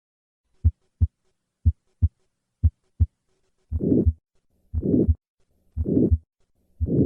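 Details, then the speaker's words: Typical aortic stenosis at the second right intercostal space: a diamond-shaped systolic murmur ending before the aortic component of the second heart sound; later peaking means more severe stenosis; teaching recording. "so the intensity of the murmur of aortic stenosis correlates with the severity of obstruction across the aortic valve as long as the cardiac output is maintained"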